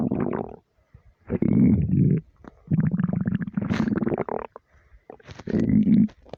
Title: deep long empty stomach rumbles